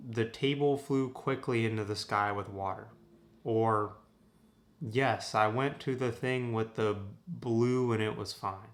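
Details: Example of receptive aphasia after a stroke: fluent speech with word salad lacking clear meaning; Wernicke's (receptive) aphasia.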